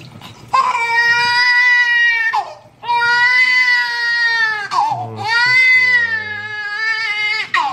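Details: Newborn on the first day home from hospital, crying during his first sink bath: loud, sustained high-pitched crying in long wailing bursts with brief breaths between, a typical vigorous newborn cry.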